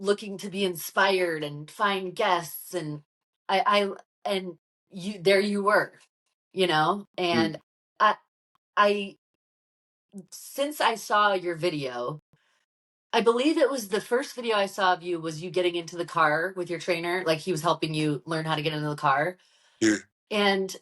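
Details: Adult woman speaking in conversation; ordinary conversational speech.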